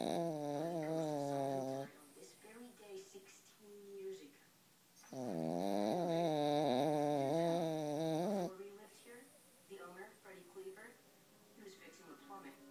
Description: My dog Ralph seriously has a snoring problem, but it's so damn cute